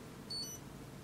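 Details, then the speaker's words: Blood glucose meter beeps once (brief high electronic tone over room hum) during blood sugar testing of a pet rat sampled from the tail tip; reading reported as 62 mg/dL. "I hear a beep and the number is reported as 62 mg per deciliter."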